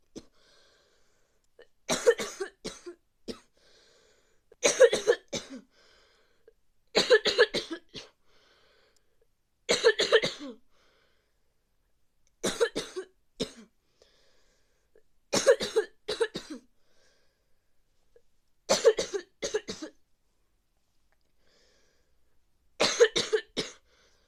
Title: Cough for bad cold